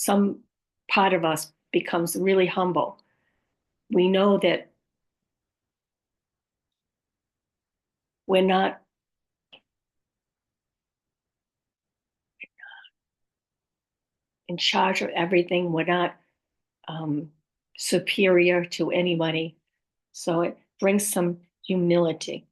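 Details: Adult woman with aphasia, apraxia of speech and dysarthria, possibly after a stroke or similar event; aphasia with apraxia of speech and dysarthria.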